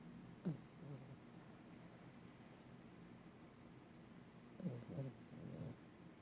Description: Snoring and dreaming dog